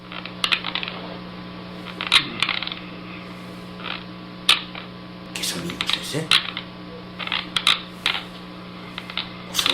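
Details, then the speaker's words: Irregular gritty clicks and scraping bursts of teeth grinding against each other (bruxism), played to illustrate the involuntary, mostly nocturnal clenching and grinding of the teeth. "hoy vamos a hablar sobre el rechinado de los dientes, o lo que es lo mismo, el bruxismo."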